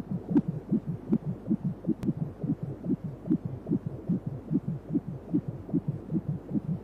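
Fast, even whooshing beats on ultrasound Doppler, about 150 a minute; fetal heartbeat.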